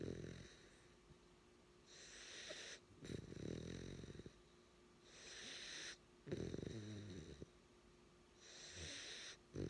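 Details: Zomby, a 9-week-old 25 lb puppy, sleeping: loud, rattling snores alternate with hissing breaths, about 18 breaths a minute; snoring, joked to need a CPAP.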